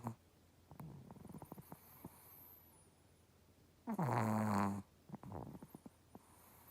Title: Chihuahua snoring